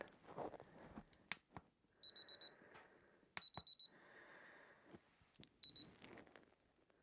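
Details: Simulated emergency-clinic medical exam for a suspected kidney infection: quiet handling noises with a few short high electronic beeps from an ear thermometer taking temperature, which reads feverish; ear thermometer beep.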